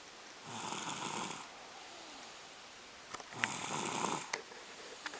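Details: Two-year-old, exhausted and asleep on a couch, snoring: two hissy, raspy snoring breaths about three seconds apart over faint room noise with a few small clicks.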